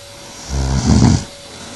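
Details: Adult woman (speaker's wife, who denies snoring) asleep, recorded 2008: a single low, rough, rattling snoring breath in a quiet room.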